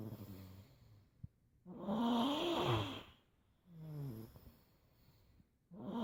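Slow, loud, vibrating breaths with a rising moan, about one every four seconds: snoring.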